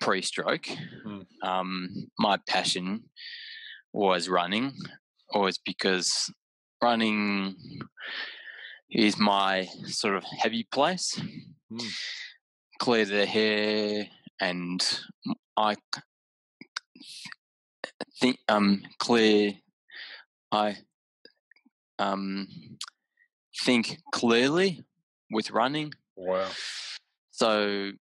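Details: Adult man with aphasia about six years after a haemorrhagic stroke caused by an AVM at age 34; right-sided deficits, vision issues, word-finding difficulty, mixing up similar objects; aphasia.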